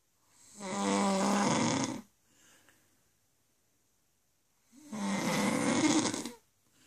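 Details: Snoring from a sleeping adult woman: two loud, rattling snores about four seconds apart, with a quiet exhalation between them.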